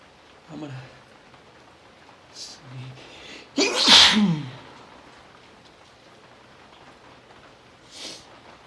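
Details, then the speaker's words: Sneezing fit in the rain, from someone who woke up sniffly with a tickle all morning: small inhaled catches, then one loud explosive sneeze and a softer one, with watering eyes and nose blowing after. "I woke up this morning and was really sniffly and I just sneezed. Oh god. Oh god. I'm gonna sneeze."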